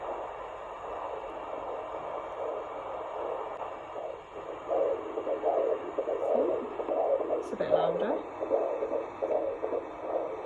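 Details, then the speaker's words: Fetal heartbeat on Doppler at about 15 weeks of pregnancy: rapid, regular whooshing pulses through hiss and static; a normal finding. "hiding away from us you sound very happy in there very cheeky already look there you go"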